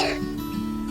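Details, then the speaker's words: Single short acted cough from a child with flu and cough in a cough-medicine advert, followed by steady background music; plain cough. "liburan kok sakit? Adik flu batuk."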